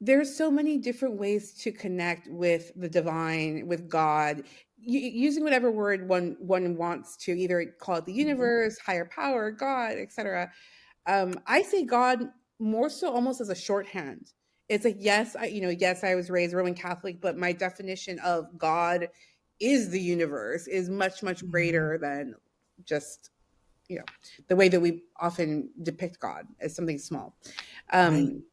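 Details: Adult woman speaking; ordinary speech.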